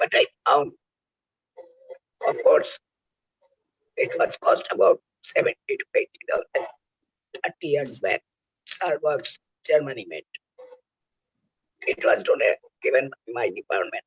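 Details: Oesophageal speech using the injection method by a rehabilitated laryngectomee whose larynx was removed for cancer.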